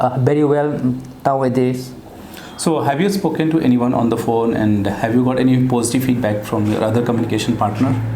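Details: Adult male speaker (clinician); typical speech.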